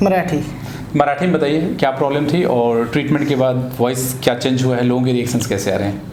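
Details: Adult male speaker; Typical speech.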